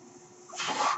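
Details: Mechanical ventilator noise heard in the background while a ventilator-dependent man speaks on his podcast.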